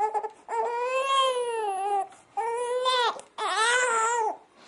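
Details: A baby boy crying during tummy time, refusing to practise crawling on his tummy: three sustained, rhythmic, strong cries with short breaths between them, typical fussing.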